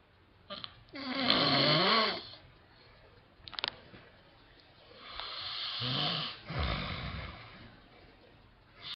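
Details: Adult man (dad) snoring heavily, uneven: a long buzzing, whistling snore, brief snorts, then a rasping snore on the breath.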